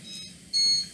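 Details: Two high-pitched electronic alarm beeps from a bedside hospital monitor over faint room hum, child with a tracheostomy recovering after jaw distraction surgery, needing frequent suctioning; oxygen level reported fine.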